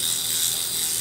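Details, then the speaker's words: Arm liposuction under local anesthesia in an awake female patient who feels no sharpness: steady high-pitched mechanical buzzing and rattling of a vibrating power-assisted suction cannula running. "do you feel anything like is it like a nice vibrating"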